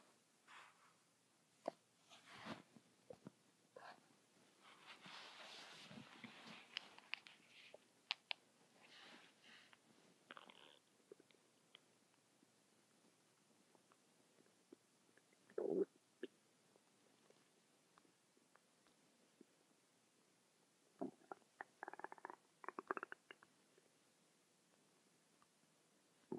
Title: my stomach making noises non-stop for 10 mins